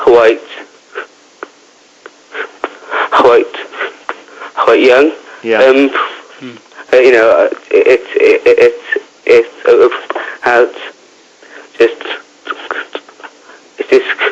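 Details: 15-year-old boy who stammers, with repetitions and blocks; stuttering (stammer).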